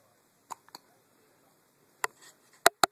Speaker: See, Daddy, I have the hiccups. I have the hiccups, Daddy.